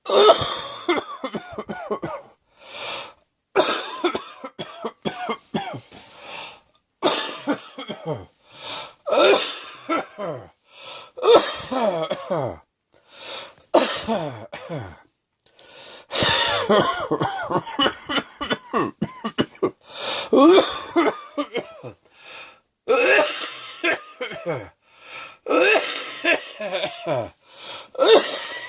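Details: Afternoon coughing with wheezing: repeated bouts of loose, rattling coughs with noisy breaths between, a productive cough clearing mucus from the lungs.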